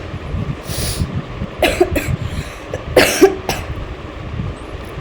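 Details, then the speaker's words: Two harsh coughing bouts of two or three coughs each against a steady background rumble, from an adult woman ill for two to three days with a cold, fever, watery eyes, headache and marked weakness. "जबरदस्त साजरी पडली डोळ्यातून पाणी येतोय ताप आलय सर्दी खोकला डोक जाम झालय"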